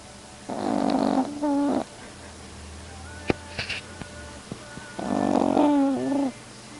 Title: Snoring dog